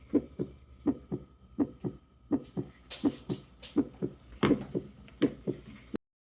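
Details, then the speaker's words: Adult's heartbeat recorded with a pulse reader on a baby sound machine and replayed through its small speaker: regular paired thumps near 80 a minute with brief hissy noise midway; heartbeat playback. "When it's done, it will just have a solid green light, and it will start playing your heartbeat."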